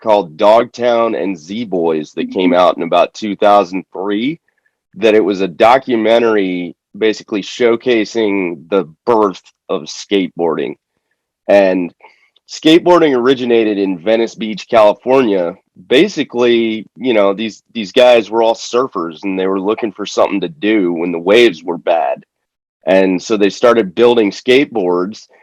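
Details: Adult man speaking; typical speech.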